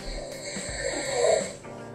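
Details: Sleep recording made with a phone app, used to compare snoring and sleep apnea before versus after an oral appliance: a single rough, fluttering snore swells and fades, with steady background music throughout. Snoring.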